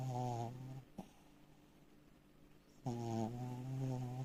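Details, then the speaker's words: Sleeping Belgian Malinois dog gives loud, low, buzzing snores, two long breaths separated by a quiet pause; snoring. "Пит, не храпи, пожалуйста, не храпи."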